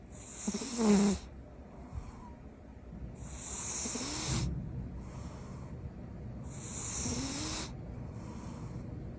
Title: Cat snores loudly